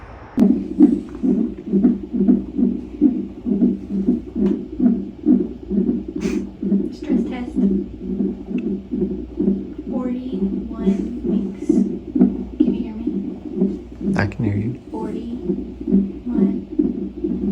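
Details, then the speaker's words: Fetal heartbeat on a monitor: rapid rhythmic whooshing pulses, roughly 130 a minute, with voices; mother finds the heart rate scary as it slows. "her heart rate's kind of scary what slowing down she going back to bed that's her heart rate that's her"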